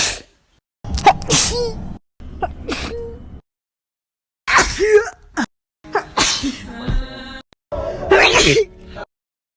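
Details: A compilation of one person sneezing: a series of sharp, explosive sneezes, one after another, with brief gasping in-breaths between them.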